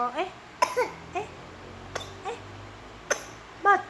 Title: baby XIS dgn tinggkah lucunya,,uhukk..uhuuk..# action batuk 😂🤣